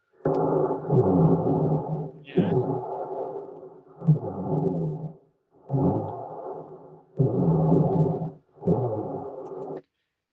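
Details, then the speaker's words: Lung recording played as an exam listening exercise: repeated low, coarse snoring-like breath sounds rising from soft to deeper, typical of rhonchi. "Pero en cambio el roncus es algo que va de poco a más. No se van a equivocar esa parte porque miren, de menos a más grave se va."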